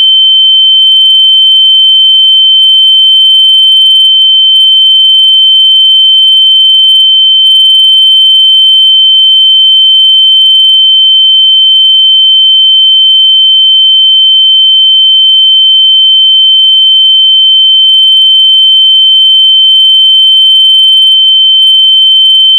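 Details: Simulated tinnitus: a steady, piercing high-pitched ear-ringing tone held throughout.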